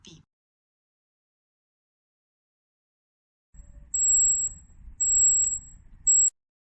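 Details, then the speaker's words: Easy@Home EMT-021 digital thermometer used orally: three quick high-pitched beeps after the usual 25–45 second measurement, signalling that the reading is complete. "the celsius fahrenheit indicator symbol will blink during measurement normally it takes 25 to 45 seconds and you will hear a beep beep beep"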